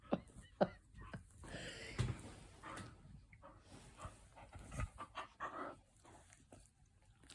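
Rapid, irregular breathy panting from a dog at about 120 a minute, with some faint talk in a small room.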